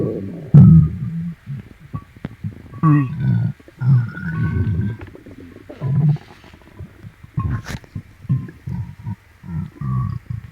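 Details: Upset, painful stomach, possibly from something eaten, with the tummy stroked clockwise: loud, low gurgling and rumbling in bursts with squeaky gas sounds; borborygmi.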